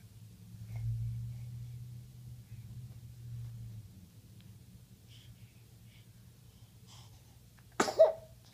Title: That Sneeze, Though